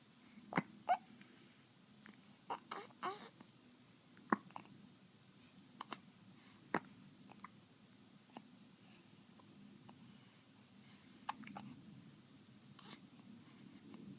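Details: Hiccups: a handful of brief, sharp catching sounds at irregular intervals, some with a soft breathy edge, in a quiet room.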